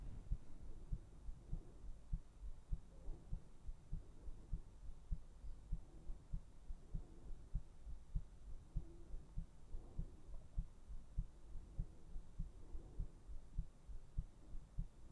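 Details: ASMR heartbeat recording: steady low thumping heartbeat at about 100 beats a minute, even rhythm, faint hum behind; normal heartbeat.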